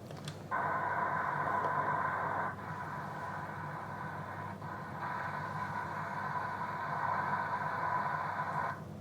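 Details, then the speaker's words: Doppler ultrasound of a radial artery to cephalic vein dialysis fistula with adequate flow and some turbulence near the anastomosis: loud continuous whooshing with little fall between beats, turbulent flow in systole and diastole, typical of a fistula. "can have the impression of the flow in the fistula very turbulent slow as you can see a lot of systolic and diastolic flow which is typical to the fistula"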